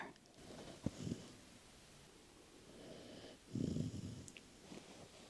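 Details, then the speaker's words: Sleeping puppy, resting, snoring softly. "Do you hear the puppy snore?"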